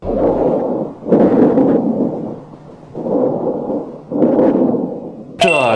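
Soft, even rushing breath sounds through a stethoscope, two calm breath cycles, consistent with normal lung sounds.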